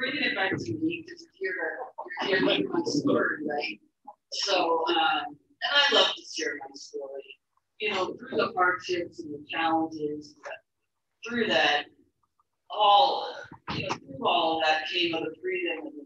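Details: Adult woman who stutters, describing her own real, long-standing stuttering, with the finding of stuttering.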